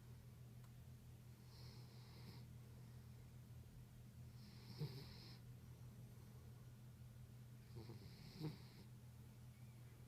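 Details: Soft, faint snoring breaths from a sleeping terrier, about three in ten seconds, over a steady low hum: snoring.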